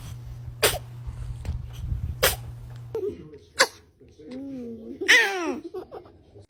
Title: Oh no ! Your baby sneezing 🤕